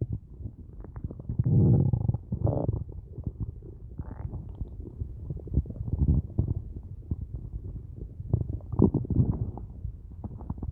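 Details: Hunger stomach rumbling (borborygmi) at the end of a day with only a large coffee and no food: loud, long, low gurgling and rumbling with squeaky rising growls from gas and fluid in an empty gut.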